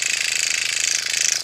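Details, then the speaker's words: Motorized microneedling pen run over a facial incision scar on a woman over 50, skin pulled taut, needle depth to be raised to 0.75 mm: rapid even buzzing with fast regular clicks. "I'm going over that incision area and I'm pulling the skin taut"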